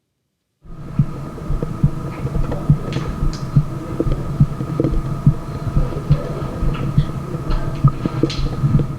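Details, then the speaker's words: Normal heart sounds heard with a Littmann Classic III stethoscope diaphragm, compared against an MD One: regular low heart sounds at about 70 beats a minute over a steady background hum, normal rhythm. "And we're going to take a listen to heart valves. Love that. It's so flexible. It's nice. It's clear. It's quite loud."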